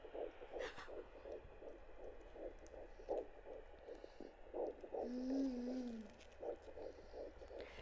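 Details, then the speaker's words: Home check at the end of the first trimester: rapid, regular whooshing fetal heartbeat, about 162 a minute, over Doppler hiss with a brief tone; the count was roughly 162–165 and the signal was hard to hold. "it's really difficult to find at this stage I keeps finding it goes left it goes right oh my gosh"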